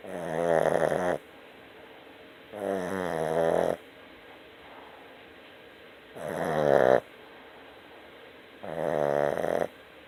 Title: Snoring Boston Terrier